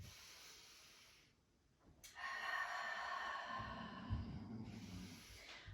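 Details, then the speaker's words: Pet dog snoring in the background of a Pilates class recording: a low, rumbling snore over steady hiss and faint background music. "ronflement c'est mon chien que tu entends"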